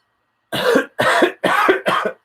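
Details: Adult confined to a room with influenza A, coughing repeatedly while talking; cough.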